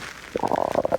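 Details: Brief gurgling, bubbling rumble from a man's belly; stomach growling (borborygmi).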